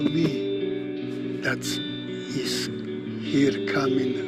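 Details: Aphasia after stroke in an Aphasia Institute member (members range mild to very severe, at least three years post-stroke, young at stroke), with background music under the speech; aphasia.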